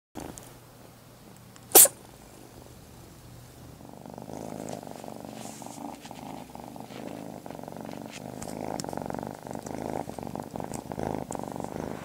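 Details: A tiny kitten gives a single sharp sneeze, followed by steady purring in a quiet room; sneezing.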